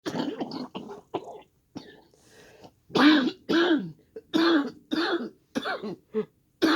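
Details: Coughing from choking on smoke from fireworks celebrations in the air: cough.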